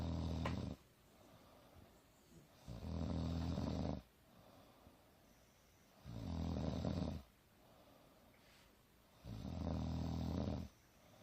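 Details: Mother napping on the couch, snoring loud and soft: loud, low rumbling snores on each in-breath, about 19 a minute, with quiet exhalations between; ordinary snoring.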